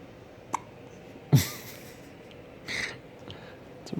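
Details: Hiccups: several brief, abrupt hiccup sounds at irregular intervals, with soft room noise between them.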